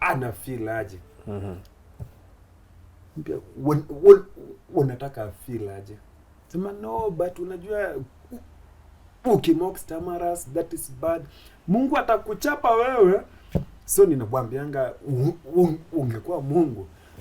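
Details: Adult Kenyan man, a comedian who began stammering in school; he stammers especially on plosive sounds and shakes his head when he stammers; stuttering.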